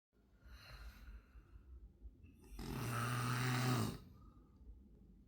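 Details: During sleep, a quiet inhalation is followed by one loud, low, rattling snore lasting over a second.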